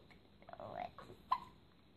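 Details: Baby being burped: a few small throaty gulping sounds followed by one short sharp burp, with quiet room noise.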